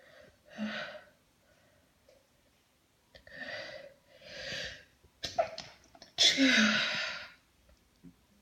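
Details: Several breathy in-breaths build up then sharp sneezes burst out, the last loud and forceful, occurring after a shower; sneezing fit.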